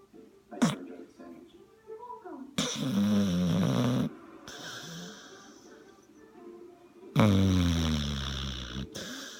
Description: OMG... my dog snores soooo loud!